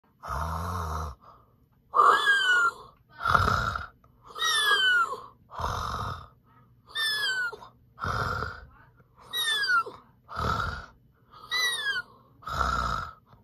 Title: Bubble Guppies Gil Snoring